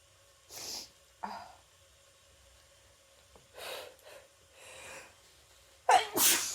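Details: Person with a cold, after holding back sneezes all day, uses chhinkni to trigger sneezing: soft breathy sneezes and sharp intakes of breath, then a louder final sneeze.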